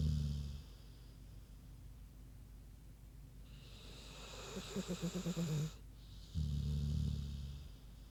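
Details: A large sleeping pig snoring: deep, low snoring on each breath, with a burst of rapid snuffling grunts between snores.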